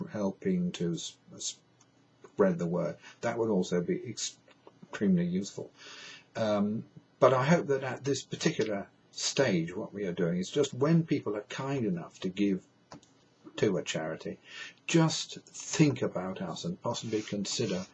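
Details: Adult man who states he has a stammer, described as a neurological condition with no cure; stuttering.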